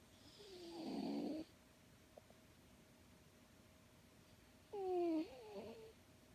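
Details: Tortoiseshell cat sound asleep in REM sleep, eyes, tail and limbs twitching: two loud, rattling snores on breaths with quiet between, over a faint room hum.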